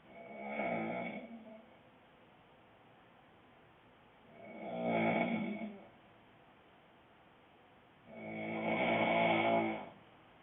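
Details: Adult male boyfriend snoring loudly, with a prominent rattle: rough, vibrating snores about every four seconds, roughly 14 a minute, with quiet between them.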